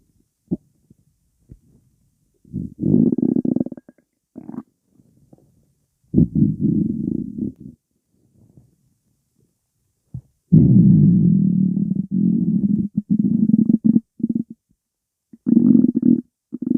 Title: Stomach rumbling